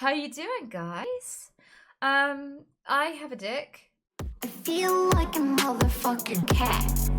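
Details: Female streamer with Tourette syndrome whose speech is repeatedly interrupted by involuntary blurted phrases and swear words, which she says she cannot help, even in public. Tourette syndrome vocal tics (coprolalia).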